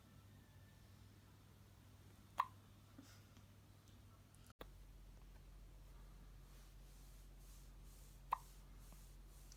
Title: baby hiccups سکسکه نوزاد